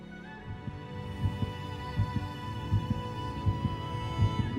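Steady low heartbeat thumps, about 80 a minute, under soft background music; a regular heartbeat.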